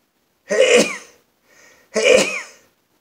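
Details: Adult man in a sneezing fit, eyes watering: two forceful sneezes about a second apart, each a sharp voiced burst with a quick breath between.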